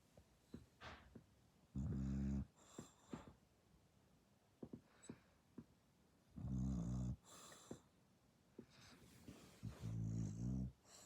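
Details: Sleeping dog snoring very loudly: three long, buzzing, rumbling inhalations with quieter snuffles and breaths between them.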